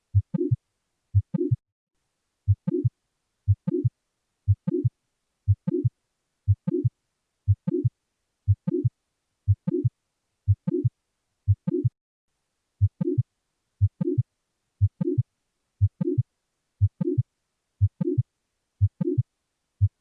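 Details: Regular heartbeat near 60 a minute with a short murmur late in each beat, after the first sound: a late systolic murmur of mitral valve prolapse.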